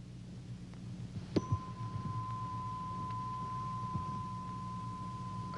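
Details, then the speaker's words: Dramatized otology exam in a TV drama of a musician with otosclerosis and about one-third hearing loss: a tuning fork is struck and rings a steady pure tone, placed on the forehead for the Weber test, heard in the midline. "fork is placed against the forehead to check the balance of hearing between the right and left ear weber test heard in the midline"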